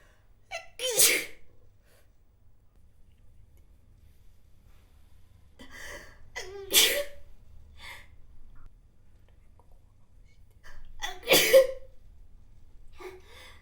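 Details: Three separate sneezes, each a sharp explosive burst with a brief intake before it, in a quiet room.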